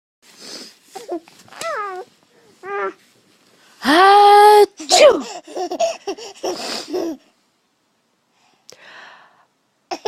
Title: Sneezing